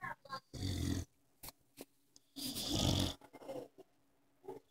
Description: I followed that sound & when I seen her sleep on the chaise snoring..